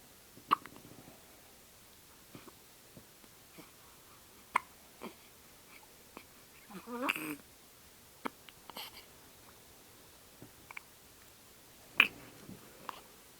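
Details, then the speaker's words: Ten-day-old baby girl with hiccups after a milk feed: soft, abrupt little catches repeating at irregular intervals over quiet room noise; hiccups. "She's having a little hiccuping problem. Are you having a little hiccuping problem?"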